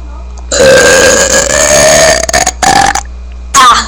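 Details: Person with a stomach full of air attempting the biggest burp ever: one long, loud, sustained belch about two seconds long, followed by two shorter belches; burping.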